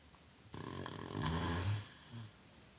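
One loud, low, rattling snore on the in-breath, then a softer tail. Ordinary snoring during sleep.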